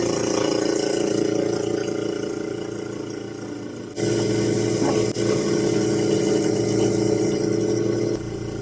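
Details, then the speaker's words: Tracheostomy suctioning in a ventilator-dependent, tube-fed young girl at home: steady suction-machine motor drone shifting in pitch as coughed-up secretions are drawn from the trach area and back of throat. "So I'm going to suction out the trach area, going to go back into her throat and suction out the boogers that she coughs up."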